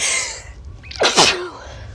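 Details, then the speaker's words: Person says they need to sneeze, then takes a short breath in and gives one sharp, explosive sneeze with a quick vocal release, in a video made for fun. "I need to sneeze. Oh my."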